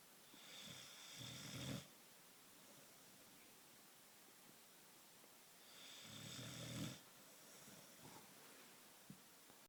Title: Odie the boxer, snoring